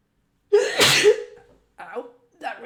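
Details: Induced sneeze by a woman with an injured collarbone and ribs from a BMX fall: one loud, forceful sneeze with a voiced cry, then brief vocal sounds; she says it really hurts.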